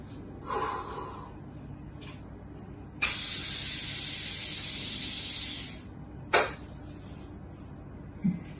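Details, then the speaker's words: An exhale, then a click and a long steady hiss as a doctor demonstrates a long deep inhalation through a breath-actuated inhaler, which fires automatically with the breath; the click marks the spray being released. "The inhaler will get activated on its own and release a spray of medicine. You will hear a click whenever the spray is coming out."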